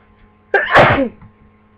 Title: Flu sneezing